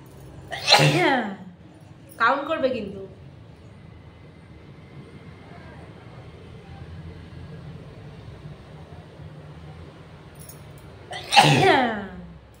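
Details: Two sharp, forceful sneezes early on and a third after a quiet pause, with faint room noise between.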